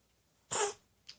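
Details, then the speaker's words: Cat gives one short, sharp hissing burst then a faint puff after sleeping upside down; owner wonders about allergy to dogs or blanket, hairball or dry throat; sneezing. "I think he caught the Foxy's sneezes you allergic to the doggies"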